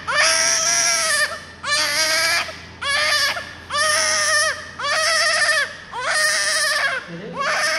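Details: Newborn baby crying: loud, sustained cries in long bursts with short gasps between; an intense, distressed-sounding cry.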